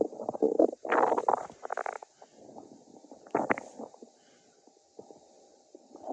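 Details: Stomach growling from hunger.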